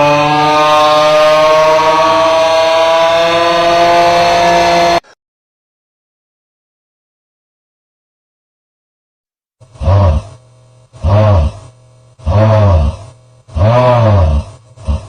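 Loud, harsh, rumbling snores about every one and a half seconds, after a stretch of steady droning and then silence.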